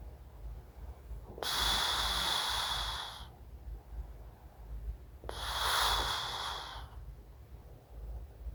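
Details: Two loud, hissing, drawn-out breaths from a sleeping adult man on CPAP, treated for severe sleep apnoea (about 70 events per hour), over a low room hum; heavy, noisy breathing remains though snoring has largely stopped.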